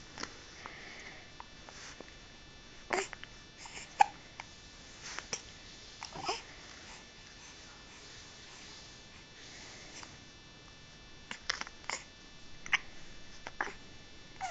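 Short abrupt catching sounds recur irregularly, roughly ten over fifteen seconds, amid faint room noise; fits hiccups.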